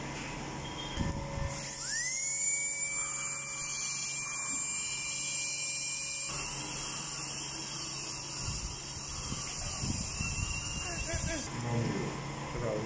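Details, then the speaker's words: Dental drill during an emergency dental appointment: a high-pitched whine spins up, runs steadily for several seconds, then stops against room noise; the patient says the drilling made her cry. "for the very first time I started crying like I cried why they were Drilling in there"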